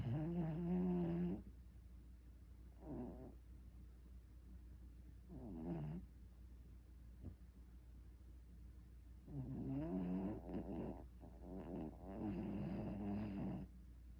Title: My fur baby snoring away